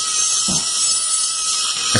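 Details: High-pitched hiss of a surgical drill running continuously as a round burr removes buccal bone over a well-circumscribed radiolucency near vital tooth 18 (37).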